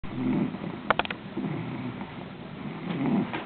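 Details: Female animal snoring during sleep: low, rattling breathing sounds with a brief snorting flutter.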